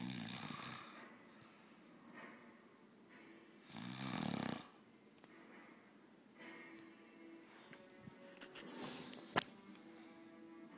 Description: Watching friend snore and almost got caught